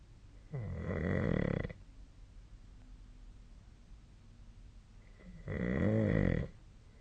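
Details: Snoring recorded during sleep: two loud, low, rattling snores about five seconds apart, with quiet breathing between them.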